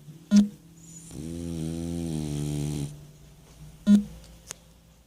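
A drawn-out buzzing, vibrating snore between soft clicks, snoring in a flat-faced dog.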